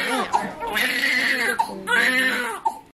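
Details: Newborn baby girl crying just after delivery: short bursts of high-pitched wailing with sharp catches of breath between them, a normal newborn cry.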